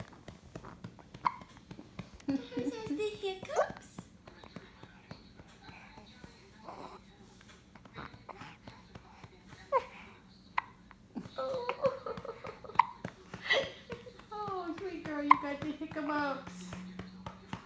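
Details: Infant's first hiccups: brief, sharp hiccup sounds recurring at irregular intervals under soft voices and light background music.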